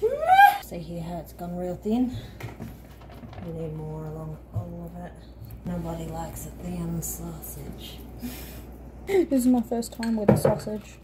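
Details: Adult woman speaking; normal speech.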